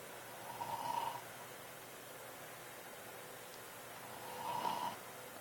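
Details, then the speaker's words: An elderly grandmother sleeping makes two soft rasping breath sounds about four seconds apart over quiet room noise; gentle snoring. "Hear that? My grandma's snoring."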